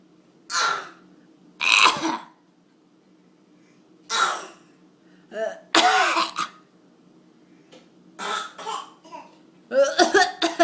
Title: coughing 9-8-13